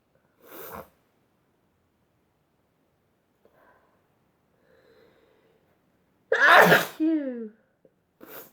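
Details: Sneeze fit: a run of three loud, explosive sneezes, each after a quick intake with a sharp burst of air, plus a brief vocal sound after the second; sneezing.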